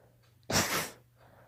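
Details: Single sharp, explosive half-second sneeze with quiet breathing before and after, from a daughter with allergies: allergy-related sneezing.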